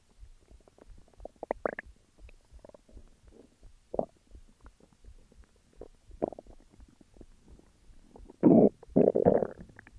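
Gurgling, rumbling bowel sounds with bubbly bursts, louder near the end: ordinary stomach growling.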